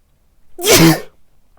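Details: A single loud sneeze from a person dressed as Santa Claus wearing a face mask and white headphones: a quick voiced intake, then an explosive burst of air through nose and mouth in a quiet room.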